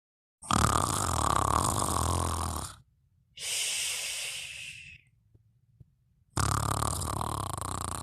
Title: Fafa Sleeping & Snoring Part 3